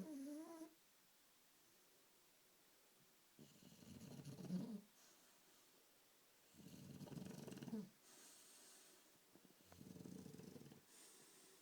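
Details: Sleeping cat snoring: three rough, low snores on in-breaths, about three seconds apart (roughly 20 breaths a minute).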